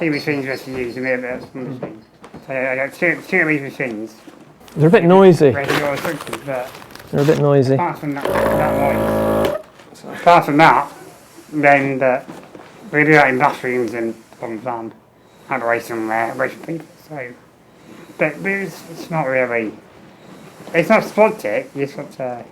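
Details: Adult man with muscular dystrophy and low lung capacity, tracheostomy for 15 years, ventilator-dependent, fenestrated tube, speaking valve in ventilator circuit, air leak around trachea; ventilator-synchronised speech via tracheostomy.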